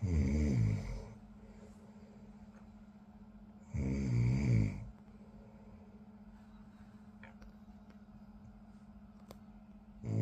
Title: Snoring Hrkanje